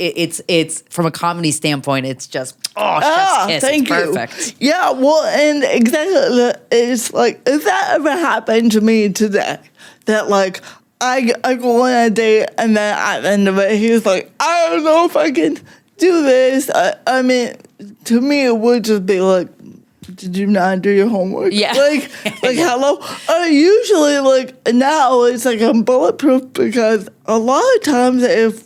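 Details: Adult woman with cerebral palsy since childhood; it mostly affects her speech and makes talking harder, and also affects her fine motor skills and her walking slightly, with no mobility aid used; real, unacted speech showing dysarthria (cerebral palsy).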